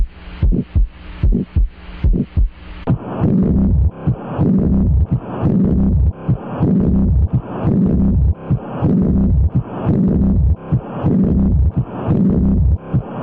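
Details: Rhythmic low thudding heartbeats with a humming background, recorded through a stethoscope; the type of heart sound is unclear.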